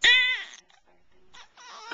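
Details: Infant who had been sucking his thumb and sneezing, recorded 2009 on a Flip Video camcorder: a brief high-pitched cry burst that trails off into quieter fussing.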